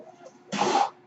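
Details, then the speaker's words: After a faint quiet stretch, one brief airy whoosh of air rushes through and fades: a mechanical ventilator breath cycle from the male podcast host's own ventilator, recorded in real life while he speaks. "hello everyone my name is that noise raised by ventilator and welcome to page turners"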